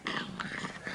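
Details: 10-month-old boy diagnosed with cri du chat chromosome disorder at four weeks old, previously in palliative care: brief high, thin, mewing cat-like infant vocalization while mouthing first words.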